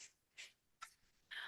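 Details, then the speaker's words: Dog with bronchitis coughing: four short, harsh, hacking bursts, thin and distant. "My dog has just come down here and you can hear him coughing and with his bronchitis."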